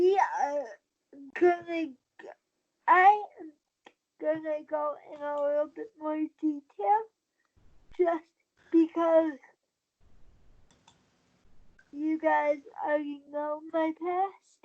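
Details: Dysarthria in a 23-year-old woman with cerebral palsy since birth after premature birth at 27 weeks. She uses a wheelchair, has no balance and a tight body. She believes her prematurity probably affects the stability of her speaking.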